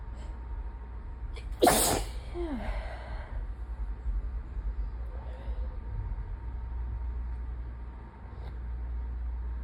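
One forceful sneeze followed by a short voiced exhale, over steady low room hum; a sneeze during a sinus infection.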